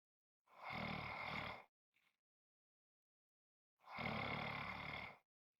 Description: This is a 5 1/2 minute clip of snoring.